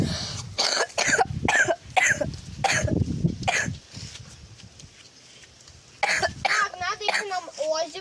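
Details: A run of sharp, abrupt coughs with some throat clearing, followed by brief talking in Russian; cough compilation.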